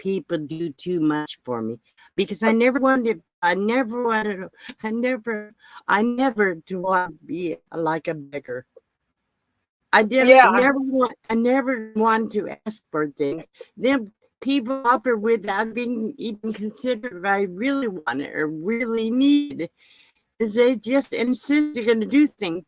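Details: Aphasia after a second stroke in an adult woman; she reports speech loss without paralysis, and speech remains impaired.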